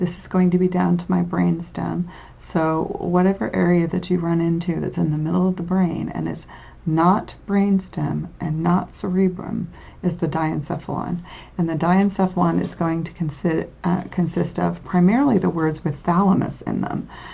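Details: Adult female lecturer; normal speech.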